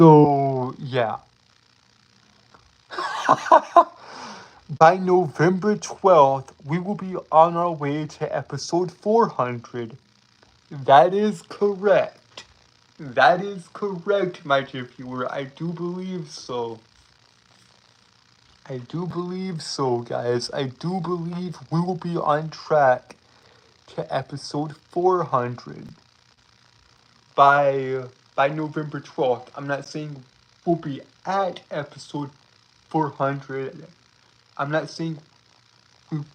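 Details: Stuttering-like disfluency in a male streamer who says he has a speech impediment that keeps him from speaking clearly.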